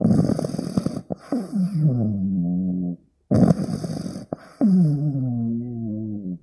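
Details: Two loud snoring breaths with rough fluttering sounds, each trailing into a whistling exhale; a sleeping 15-week-old pug puppy snoring loudly.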